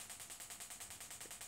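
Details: Gymna Shockmaster 300 shockwave device firing at 3 bar, 10 Hz through a 15 mm convex head with ultrasound gel on the Achilles tendon for Achilles tendinitis, 200 shocks per spot, 2000 total: rapid, regular snapping pulses about ten a second.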